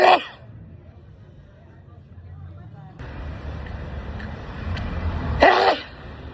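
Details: Two sharp sneeze bursts, one at the start and one near the end, with street and traffic noise between them; sneezing.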